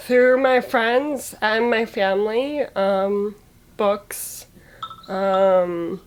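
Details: Aphasia after a stroke at age 22 in a young woman with muscular dystrophy; the stroke paralyzed her right side and took away her speech; recorded during recovery; she reports word choice as the hardest part.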